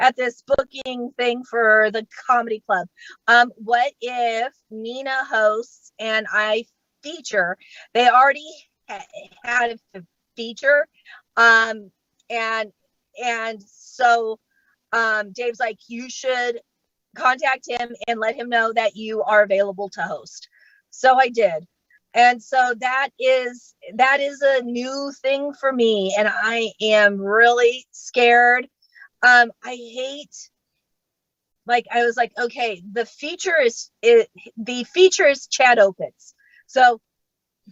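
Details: Adult woman who states she has genuine, unfaked stuttering, speaking during a live comedy set at StutterFest 2022; stuttering.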